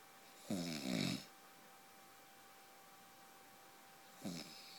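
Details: Loud, rough snoring on each breath in, then a quiet pause before the next snore, from an adult man sleeping.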